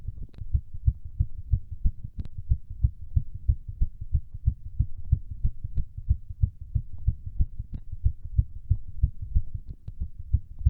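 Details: Fast, steady heartbeat with quick low thumps, the person's fastest during a workout; rapid heart rate from exercise.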